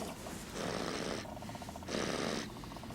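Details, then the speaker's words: Loud snoring in a quiet room: two hissing, rattling breaths about a second each with a fluttering tone between; the father, the usual snorer, is awake, and family suspect a sleeping young child. "not daddy oh it's not daddy i'm awake yeah cause daddy's awake and normally daddy snores but what i mean but this is pretty loud"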